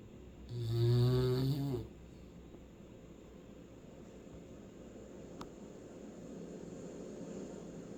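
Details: Snoring from a sleeping hound dog.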